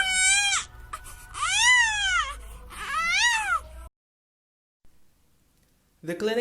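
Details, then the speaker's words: Infant with cri-du-chat syndrome (5p deletion): high-pitched, thin, monochromatic mewing, cat-like cry attributed to a narrow larynx. "notable clinical features during infancy are the following first the characteristic mewing cry due to the narrowness of the larynx this is observed as a high-pitched monochromatic cry with subtle dismorphism"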